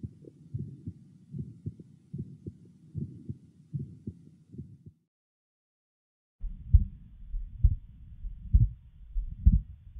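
Child's heart with a harsh murmur filling systole, typical of a small perimembranous ventricular septal defect.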